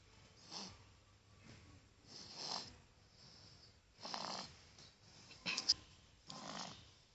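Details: Child with a cold and cough, breathing not clear; repeated hissy, rough snoring breaths with snorts, noisy obstructed breathing: snoring.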